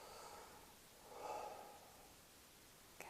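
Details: Normal breath sounds heard with the stethoscope diaphragm at the lung apex during a deep breath in and out: soft, hollow rush of air.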